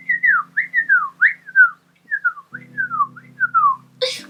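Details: Involuntary whistling vocal tic in a female speaker with Tourette syndrome, following an exclamation of "whoa" mid-talk.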